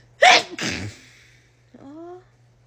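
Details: Sharp explosive sneeze followed by a brief voiced sound, low background hum; sneezing from a rapid-sneezing compilation.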